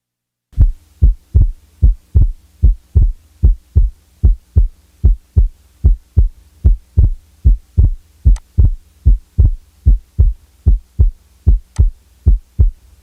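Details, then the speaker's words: Physiological splitting of the second heart sound, heard best at left base with stethoscope diaphragm: regular heart sounds about 75 per minute, S2 split on inspiration and single on expiration; normal finding. "the second sound will be split upon inspiration and usually will be heard as single on expiration the physiologic Split Second is heard best at base left with the diaphragm chest piece"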